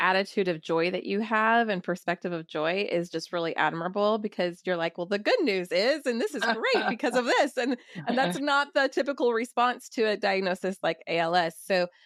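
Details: Adult woman speaking; typical speech.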